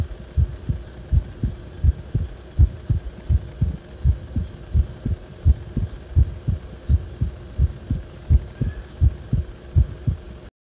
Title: 心臓がおかしくなった時の心音